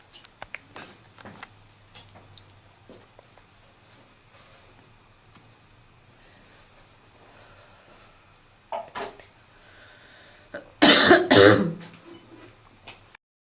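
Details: Seasonal barking smoker's cough, labelled (f): a quiet room, then a short run of harsh, barking coughs near the end.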